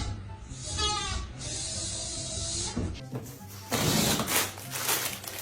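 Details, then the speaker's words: Brief high-pitched musical tones over breath noise: a wheeze, as heard in obstructive lung conditions such as asthma or COPD. "What about we think of a high-pitched musical note commonly found in obstructive lung conditions such as asthma or COPD. So it sounds like this."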